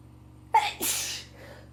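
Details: A person with a bad cold sneezing: a single sharp sneeze with a quick intake, then a forceful hissing burst of air.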